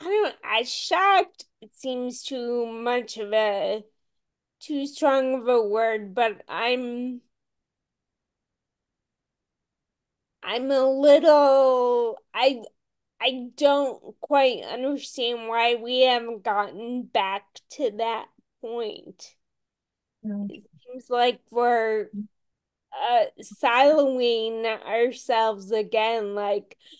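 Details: Ataxic dysarthria in a woman with Friedreich's ataxia, a rare, genetic, progressive disease, diagnosed around age 16 in 1990 with genetic confirmation around 1999-2000; real speech, and she reports voice issues.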